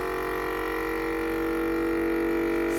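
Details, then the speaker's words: An oral suction machine, with canister and tubing connected, is switched on for an oral care demonstration on a simulated nonverbal patient: a loud, steady droning motor hum; suction machine running. "it out connected it I'm going to turn it on its gonna make a really loud racket you want to make sure that these caps and things are closed so that it has good suction"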